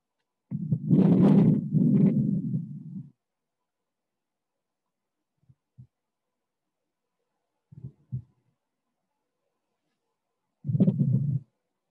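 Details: Simulated bowel sounds from a full-body patient simulator manikin, played over a speaker: irregular low gurgling bursts with quiet gaps and a few soft clicks, a normal pattern.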